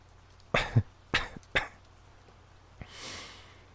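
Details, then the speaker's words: Cough from an adult Australian man who is genuinely sick, lying down: three short, harsh coughs followed by a quiet breath out. "And that is the cough of a sick man. A sick man who needs your love and attention right now."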